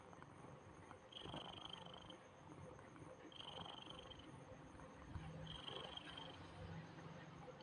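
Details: Snoring from a sleeping young one who was dewormed that morning and given egg and milk on an empty stomach before sleeping.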